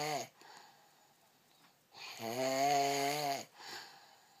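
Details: One drawn-out, tonal, humming snore, with a brief shorter sound before it; snoring during sleep.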